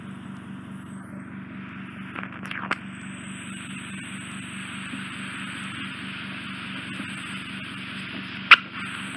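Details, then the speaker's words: Microsuction removal of bilateral fully occluding ear wax in an adult male, right ear more impacted, residual wax on left eardrum inferiorly, Zoellner suction probe with fine 18-gauge end: steady high suction hiss with low hum, short crackles and a sharp pop as wax is drawn off. "I think it's going to be really loud now. I'm going to see if I can get this out."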